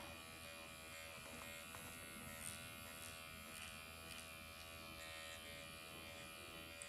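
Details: Automated MD Needle Pen microneedling self-treatment of the face at 1.5 mm depth after forehead and eyes, after numbing cream: steady high-pitched electric buzz in vertical, horizontal, cross-hatch passes; almost painless, little bleeding.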